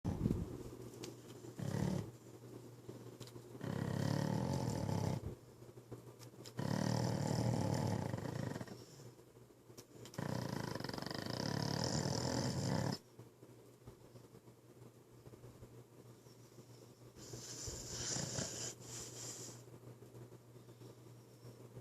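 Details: Sleeping pit bull dog: loud, deep, rattling snores, each a second or more long, repeating every few seconds; heavy snoring.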